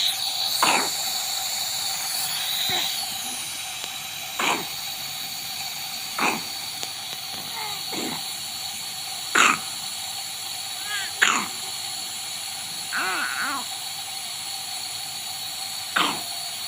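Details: Sick infant with a phlegmy cough, runny nose, breathlessness and choking on milk, described as respiratory failure: repeated short, wet coughs and strained, laboured breaths over a steady hiss.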